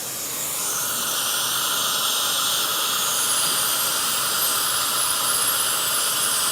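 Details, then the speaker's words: High-speed dental drill shortening a Tru-Lok abutment on a mini dental implant, a crown prep on the abutment during restoration of two missing teeth: steady high-pitched hissing whine with water spray hiss. "So now, of course, that's too long, so we're going to do a little crown prep on that abutment."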